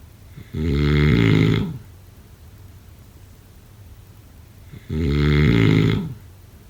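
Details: Snoring.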